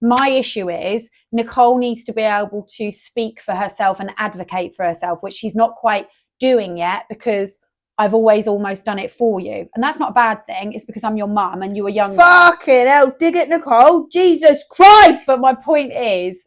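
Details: Adult woman speaking, with brief louder interjections that may come from a second speaker; no speech disorder.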